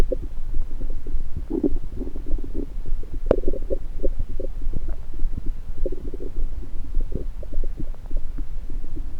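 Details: A person holds a stethoscope on various parts of their own belly. Irregular gurgling and bubbling rumbles with brief sharper pops are heard: ordinary bowel sounds.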